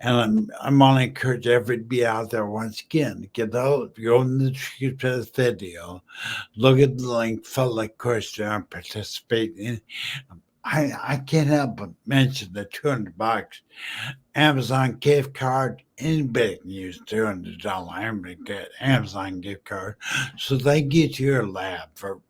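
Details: Male stroke survivor 14 years after a stroke from a brain aneurysm, totally mute at first, who uses slowing down and over-articulating as strategies; dysarthria after stroke.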